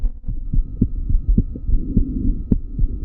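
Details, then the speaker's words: Child's normal heart sounds: regular heartbeat near 107 a minute with clean first and second sounds, physiological splitting of the second sound, and the child's soft breathing behind. "aquí los dos tonos son dos tonos normales, ¿vale? El segundo tono eh se produce por el cierre de las válvulas aórtica y la válvula pulmonar."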